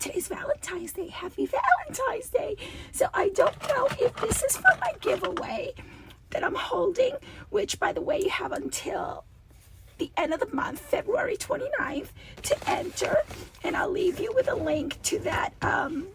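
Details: Adult woman with diplophonia (double voice) that recurs, and she returns to voice therapy when it does; she feels a rasp vibrating low in her throat, below the vocal cords.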